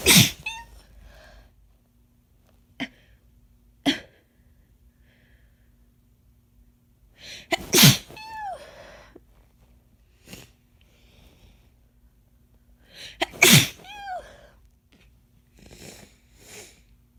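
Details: Deliberately induced sneezes during an easing cold with a constant deep nasal tickle, very wet and messy: three explosive sneezes, each after a brief in-breath, with quiet sniffs and breaths between.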